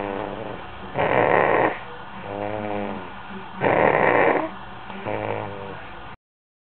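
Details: Loud, rough snores recurring about every two to three seconds, roughly 23 a minute, with quieter breathing between them; snoring.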